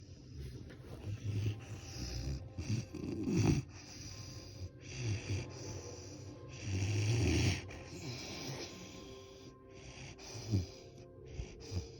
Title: Great Dane Charlie snoring